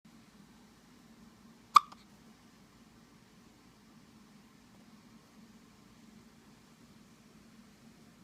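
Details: Hiccups: a single sharp, abrupt hiccup in a quiet room, a brief catch of the breath.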